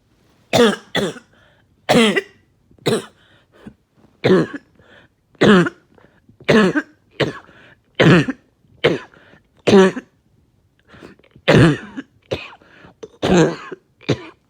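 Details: Productive coughing fit after taking medication: about fourteen loud, wet coughs over fifteen seconds, with rattling as really thick mucus breaks up and comes out.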